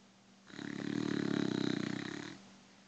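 One long, fluttering, rattling snore on a breath in, lasting about two seconds, over quiet room noise. Dog snoring.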